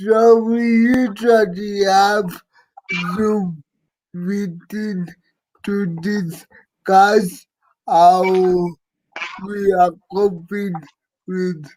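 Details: Dysarthria in an adult living with cerebral palsy; his speech is hard to transcribe.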